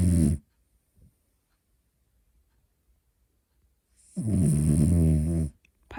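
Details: French Bulldog asleep, real recording: loud, rough, rattling snores on each in-breath with long quiet pauses between breaths; snoring.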